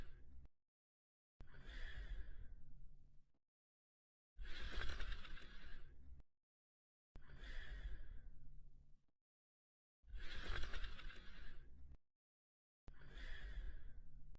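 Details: Sleeping dog breathing in slow, noisy cycles of about five a minute, with silent pauses between breaths: snoring.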